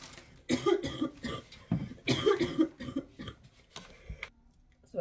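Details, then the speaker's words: Adult woman with a troublesome persistent cough, talking while unpacking groceries: repeated harsh coughing bursts with some throat clearing in a small quiet room, a cough. "ja was przepraszam, a jeszcze mi kaszel tak męczy, że masakra."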